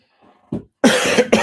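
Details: Adult male fitness coach coughing during a live-streamed Q&A, followed by "excuse me" and throat clearing: a faint throat sound, then a harsh cough burst and a second short cough, an ordinary cough.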